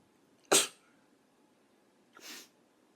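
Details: A young Japanese woman sneezing: a single sharp, explosive sneeze, then a softer breathy sound a moment later; ordinary sneezing.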